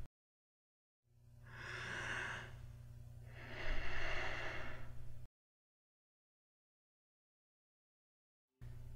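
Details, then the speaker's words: Imitated bradypnea, abnormally slow breathing associated with obesity and alcoholism: one slow, drawn-out breath in and out over a low steady hum. "next we have bright apnea which is the low-frequency breathing pattern that we see in obesity and alcoholism"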